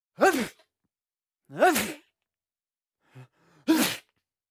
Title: Male Sneezing Into Arm - Sound effect for editing🎧